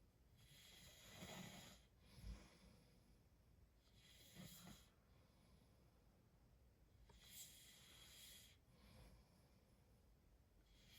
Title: Tonight Man snoring